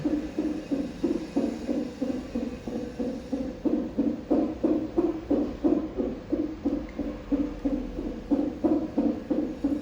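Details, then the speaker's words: Fetal heart rate monitored before an ultrasound, with the baby in breech position: rapid, regular whooshing thumps typical of a fetal heartbeat. "Yeah, but I think they're monitoring the heart rate first for 15 minutes."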